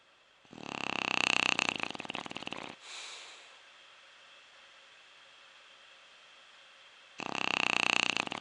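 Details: Quiet but steady snore from a sleeper deep in sleep: two rattling, fluttering snores about seven seconds apart with quiet exhalation between; snoring.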